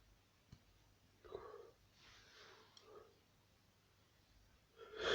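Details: Quiet sniffs and breaths build up, then a sneeze begins at the end of the clip. Sneezing with sniffing.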